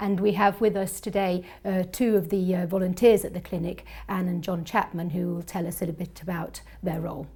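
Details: Adult woman speaking; ordinary speech.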